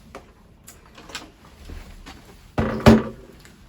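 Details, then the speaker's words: Transport infusion pump for newborn intensive care: faint sliding rattle, then two sharp clicks as the pump latches back onto its mounting tracks, a normal seating sound. "And same with this one here, releases the pump, and there's little tracks that it would then slide back into if you do need more than one pump. And you'll hear a click."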